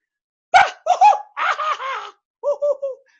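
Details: Adult man with lifelong Tourette's tics he believes began at age 2, including noise-making tics; he says afterward he didn't know he would make this sound, suggesting it was involuntary; vocal tic.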